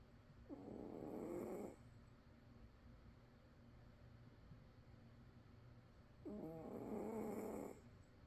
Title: Snoring Cat relaxing sleep